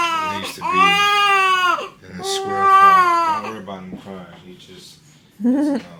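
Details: A baby boy's newborn cry within his first 24 hours after birth, in the hospital room around swaddling: several loud, high-pitched wailing cries with pauses and brief fussing between them. An ordinary newborn cry.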